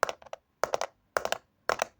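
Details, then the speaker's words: Spoken teaching demonstration vocally imitating a third heart sound: repeating groups of three quick clicks, a gallop likened to a horse, described as an extra sound in diastole in heart failure; S3 gallop. "tercer ruido se caracteriza porque el corazón está en diástole pero el corazón le vale Y se contrae de nuevo Ok eso es el tercer ruido y hace pues un tercer ruido es decir hace este ruido mira"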